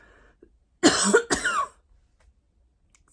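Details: Throat clearing / cough from an adult myasthenia gravis patient speaking about workplace accommodations at the end of the day.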